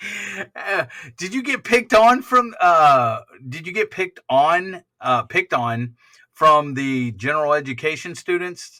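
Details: Adult speaker; ordinary speech.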